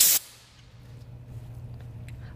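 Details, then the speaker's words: EMT skill demonstration of oxygen administration by nonrebreather mask to an adult patient. The oxygen tank valve is cracked to clear it before attaching the regulator, giving a sharp burst of gas hiss lasting a fraction of a second, then low room hum. "I have my oxygen tank my regulator the wrench and a nonre breather mask I cracked the tank to clear the"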